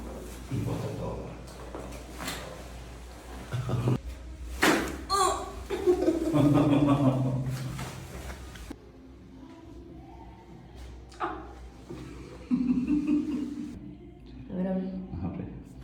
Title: Couple Full Body Crackles #love #relaxing #chiropractic